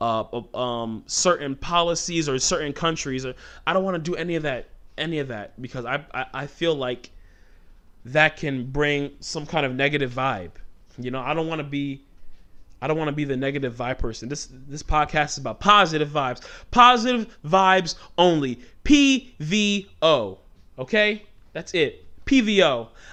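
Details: Stuttering since childhood in an adult male, worse when talking fast or passionate; he tries to control it by speaking slowly.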